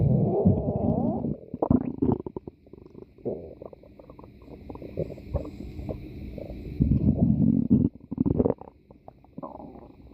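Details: Stomach growling (borborygmi) in a person: loud, low gurgling and rumbling with bubbling pops in long bursts, from gas and fluid moving through the gut.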